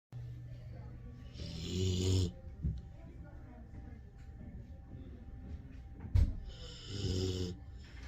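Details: Husky mix / German Shepherd dog asleep: two long, loud, rumbling snores several seconds apart with a brief snort between; snoring.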